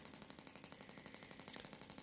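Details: Radial shockwave (Shockmaster 300 Gymna, 20mm head, 1.6 bar, 12 Hz, 4000 shocks, gel) for grade 2 cellulite on back of thigh: rapid even train of sharp clicks, about twelve a second, as device fires.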